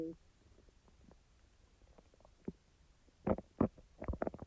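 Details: Stomach after eating: soft scattered gurgles, then several loud growling rumbles from the abdomen; ordinary bowel sounds (borborygmi).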